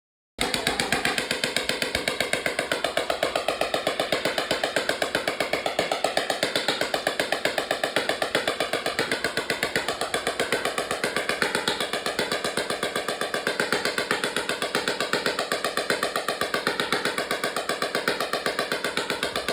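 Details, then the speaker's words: Rapid, steady clicking pulses of an extracorporeal shockwave therapy machine as a vet treats a freshly popped splint on the leg of Ember, a quarter horse reiner mare, applicator gliding on lube. "This is the splint that will be treated, and I want to show you the full shockwave treatment today so you can see what it's like, what it sounds like."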